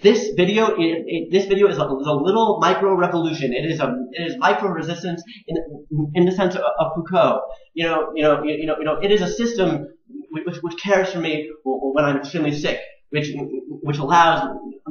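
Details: Adult man who stutters, also on the autism spectrum, with a father who also stuttered; syllable and word repetitions, pauses and blocks between words, worse when passionate or anxious; stuttering.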